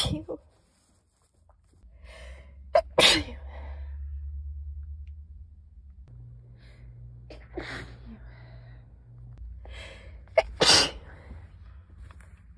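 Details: Person's sneezes recorded before an illness: two sneezes, each with a short gasping buildup and a sharp, hissing burst, over a low steady hum.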